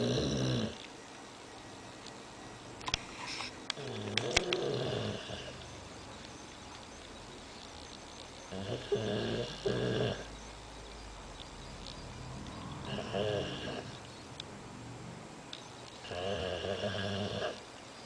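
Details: A sleeping dog, said to be having a bad dream, snores loudly and roughly in a small room, with rattling in-breaths and softer out-breaths repeating every few seconds.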